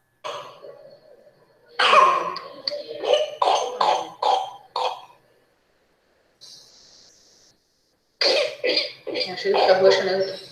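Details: Hospitalized child with pertussis in the paroxysmal phase, with venous access: rapid run of harsh coughs, one after another, with a strained whooping breath between; paroxysmal whooping cough.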